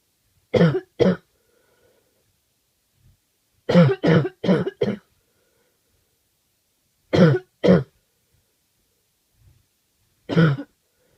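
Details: Awful cough.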